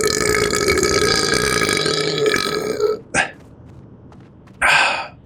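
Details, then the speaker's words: A long, loud, voiced belch of about three seconds, then two shorter burps, with faint room noise between; part of a burp compilation. "Poor Kamadona. That was a nice burp."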